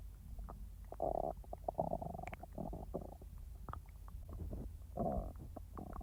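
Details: Gurgling, bubbling rumbles in bursts with quiet gaps: a person's real, normal digestive bowel sounds (borborygmi), not recorded in real time.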